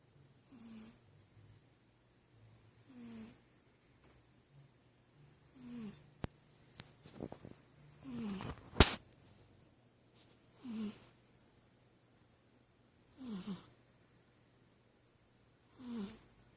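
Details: Soft, regular snoring, one snore every two to three seconds, about 24 a minute, with a brief rustle partway through; snoring.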